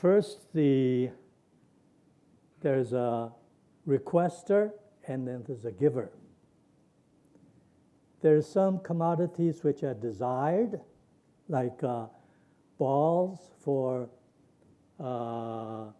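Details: Imitated Wernicke's aphasia: a lecturer reads aloud a published patient sample of fluent jargon with neologisms and lost semantics but intact grammar, not a real patient.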